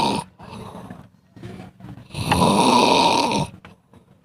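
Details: Snoring from a sleeping cat: short snorting breaths followed by one long rough snore.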